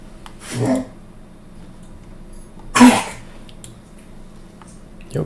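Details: Two harsh, honking coughs from a dog in the background of a quiet room, fitting kennel cough.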